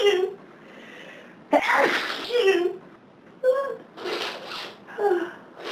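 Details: Several uncontrollable sneezes with sharp gasping intakes and voiced 'ah' sounds between them, on a severe summertime hay fever day; repeated sneezing from hay fever.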